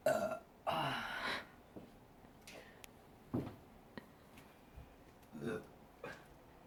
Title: PIGTAIL BURPS